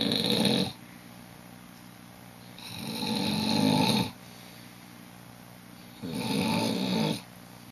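Three rough, rattling snores with quiet gaps between, over steady background hum; ordinary snoring.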